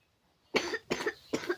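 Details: Three short, sharp, dry-sounding coughs in quick succession from a child; the cough is blamed on eating ice, candy and cold drinks.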